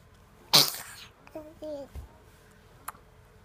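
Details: Single sharp, explosive sneeze, followed by a brief voiced sound and a small click in a quiet room; sneezing.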